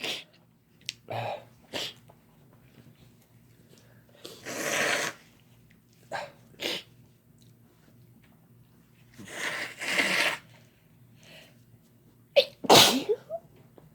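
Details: Repeated sneezing from two people induced by Chhinkni sneezing powder: several loud, explosive sneezes with sniffs and brief breaths between them.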